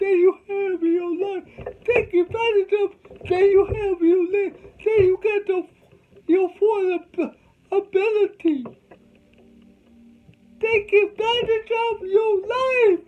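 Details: Adult man with cerebral palsy, whom doctors said would never talk, showing dysarthria in cerebral palsy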